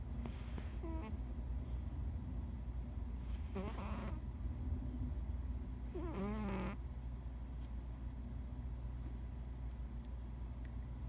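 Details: Female cat snoring while asleep: three soft, drawn-out nasal snores over steady low room hum; she snores only sometimes.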